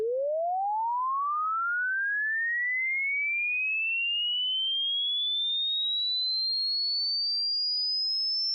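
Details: A pure tone sweeping smoothly from low to high pitch in an online hearing test aimed at adults over 50, checking which pitches the listener can still hear.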